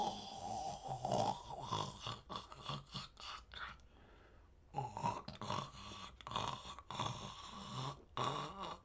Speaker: so today sound effect is gonna be a man snoring sound effect so you can use this free sound effect when but no you're doing a film about a sleeping man